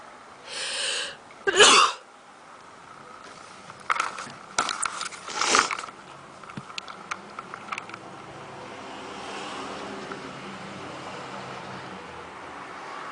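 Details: Two sharp sneeze bursts followed by sniffing and nose-clearing noises in a quiet room; sneezing.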